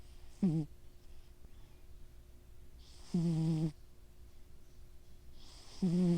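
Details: Sleeping cat snoring, compared to a little pig: loud, rough snores, three in six seconds with long quiet gaps, about 22 a minute, over low room hum.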